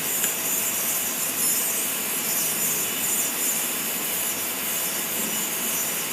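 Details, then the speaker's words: Continuous high-pitched grinding and rasping hiss of a dental burr refining an all-ceramic crown preparation to remove an undercut, aiming for about a 6-degree axial taper, with reduced pressure on the burr. "You start again going back to the same preparation and bringing it, and that is what. Now I am refining the preparation."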